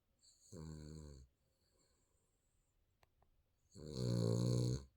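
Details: Sleeping baby snoring: two low, rattling snores, each about a second long, separated by quiet exhalation.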